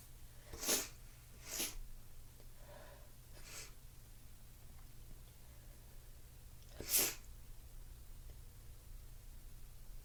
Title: Violent ticklish sneezes!!